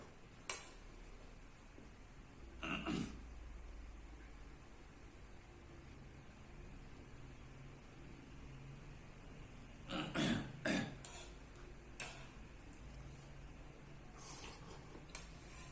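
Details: Short, abrupt throat-clearing sounds recur at irregular intervals in a quiet room from a man with Tourette syndrome; vocal tic (throat clearing).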